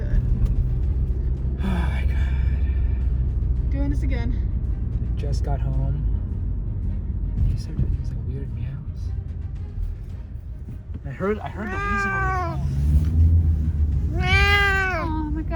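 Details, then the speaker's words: Sick cat with heavy, rapid breathing, an asthma-like attack, fever, vomiting and diarrhea (owners suspect coronavirus) gives two loud, drawn-out yowls in a car over engine rumble, with fainter cries earlier; unusual excessive vocalization from a cat that normally doesn't meow. "he's just meowing a lot right now I've never heard him yell like this because he doesn't meow"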